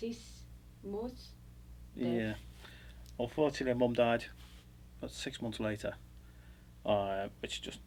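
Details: Adult man speaking; unaffected speaker.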